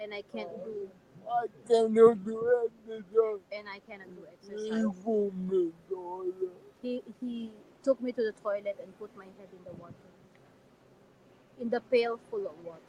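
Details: Dysarthria in an adult man with severe cerebral palsy and severe physical disabilities.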